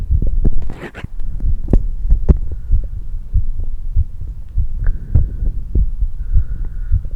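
Fast, strong low thumps, roughly 120 beats a minute, with handling noise; a quickened heartbeat after exercise.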